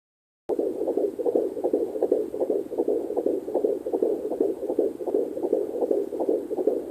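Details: Fetal heartbeat at 14 weeks 1 day on a Sonoline C2 Doppler: rapid, regular whooshing pulses at about 158 per minute.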